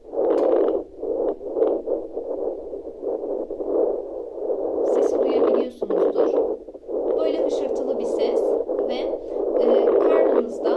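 Steady rustling static from a handheld fetal Doppler with no heartbeat rhythm in it.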